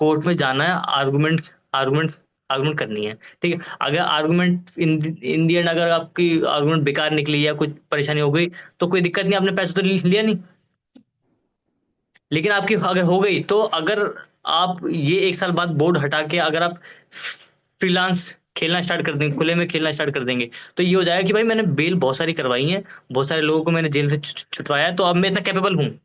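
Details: Adult man who stammers, with audible word repetitions; stuttering.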